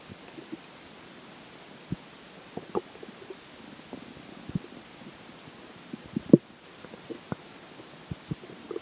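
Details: Irregular soft gurgles and low rumbles with one louder growl over a quiet background, after a McDonald's lunch and pizza breakfast: ordinary digestive bowel sounds.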